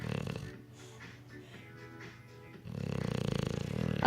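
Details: English Bulldog snoring, continuing even after waking: rapid, rattling snoring breaths with music in the background.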